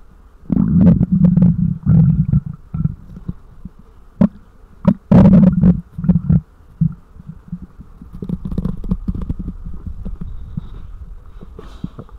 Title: Mic Up Stomach Growls 2